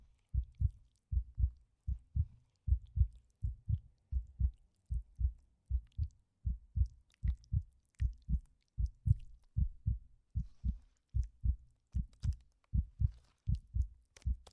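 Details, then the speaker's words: Simulated ASMR roleplay exam of a patient with a stress-induced fever after fainting: regular paired heart sounds, about 76 beats a minute, described as a normal, healthy heartbeat. "Very good. Your heartbeat is sounding nice and healthy."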